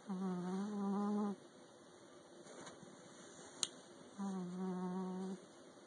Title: Sleepy Montgomery (gum gums) snoring away!